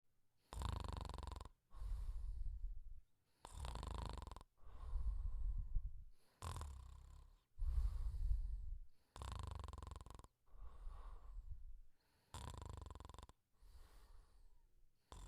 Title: The Pink Panther Snoring Quietly (1 minute and 4 seconds version)